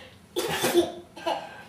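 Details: Child's imitated (fake) sneeze: two short forced bursts of breath, playful and close to a cough.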